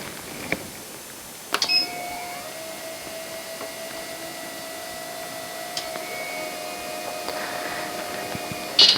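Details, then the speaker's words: Electric ICU hospital bed (YA-D6-1) adjusting its backrest and raising its knee rest to stop the patient sliding: steady motor hum and whine for several seconds with clicks at start and stop. "for the basic operation for the back rest if you can note when we adjust to the back rest and the knee rest is also can be raised to stop the patient from sliding to the"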